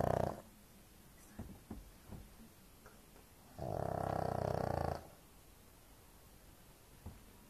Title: pug snoring, very loud